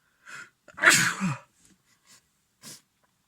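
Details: Adult male with a lingering cold, blocked yet runny nose and sore throat, having sneezing fits all day: a sharp indrawn breath and one forceful sneeze, then a few soft sniffs and breaths. Sneezing from a cold.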